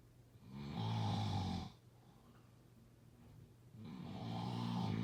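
Two long, rough, low rattling snores on the in-breath, separated by a quiet pause, in a still room; ordinary snoring during sleep.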